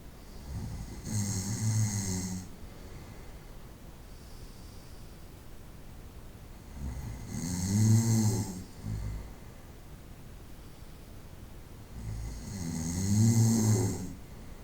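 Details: Snoring during the night, 25-minute recording: loud, rattling snores on each breath in, about 11 a minute, with quiet pauses between; ordinary night-time snoring.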